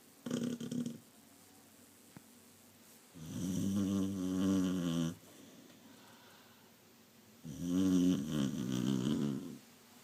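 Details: Sleeping 15-year-old Beagle: slow, loud, rattling snores, one every four to five seconds, in a quiet room. Dog snoring.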